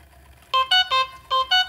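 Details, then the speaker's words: Five short tonal alarm beeps from a corpuls cpr mechanical CPR device during its function test, sounding when therapy is started with the locking lever still open; the alarm message shows until the lever is closed. "An alarm message shows and I have to close the locking lever."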